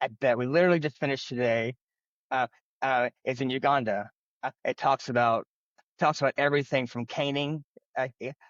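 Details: Adult man who has stuttered since childhood, stuttering.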